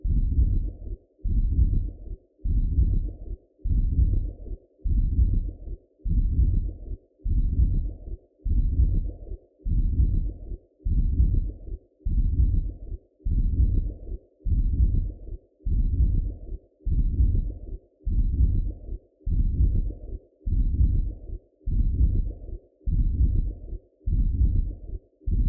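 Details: Adult's own heartbeat recorded through a Doppler for a sound-drawing art piece: steady, regular whooshing pulses at about 50 a minute, consistent with a normal heartbeat.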